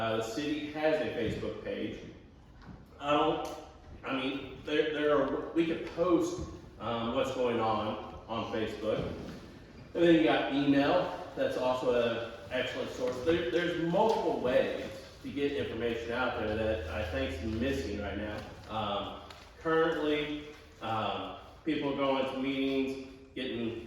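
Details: Adult man speaking; ordinary speech.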